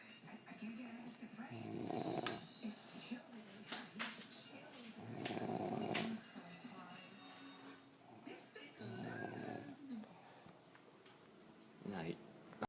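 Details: Person snoring: three loud, rough, rattling snores on the in-breath, about four seconds apart, with quieter breathing between them and faint background sound.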